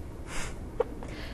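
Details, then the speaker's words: Teenager with persistent hiccups for 10 weeks that began after lunch, stop in deep sleep and resisted home remedies: a single sharp, abrupt vocal catch over quiet room noise. "well dr brian hope obviously we can see and hear the hiccups there i mean what are hiccups we don't normally hear of them being so prolonged do we"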